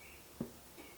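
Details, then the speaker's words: A single dull click comes from the hip during movement as the person arches the back, rounds it, finds neutral and braces the abs; it is described as the psoas tendon snapping, with a tilted pelvis: snapping hip syndrome. "I still click. But now after I've clicked, actually, I just failed my experiment. So I have snapping hip."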